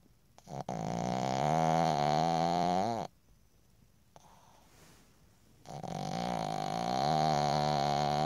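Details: Sleeping pug snoring with loud, buzzing, rattling snores, two long breaths with quiet pauses between; snoring.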